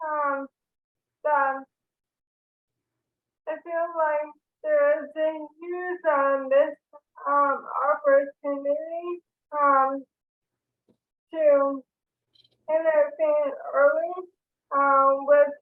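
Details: Dysarthria in a woman with ALS diagnosed in 2014, with real slurred, hard-to-understand speech.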